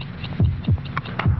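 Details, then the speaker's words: Normal human heartbeat at 72 beats per minute, low paired thumps with faint room hum, from a headache-remedy television commercial. "this is the sound of a human heart it will beat 72 times in this minute every beat can be a painful throb if you have a headache"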